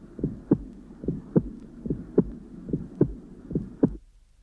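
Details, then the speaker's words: Sharp high-pitched aortic ejection click just after the first sound, distinct from a split S1, regular beat about 73/min; patient with hypercholesterolaemia, mild aortic stenosis and dilated ascending aorta, aortic area, breath held in expiration. "The Click will be heard just after the first sound and can be distinguished from from a split first heart sound by its high-pitched clicking"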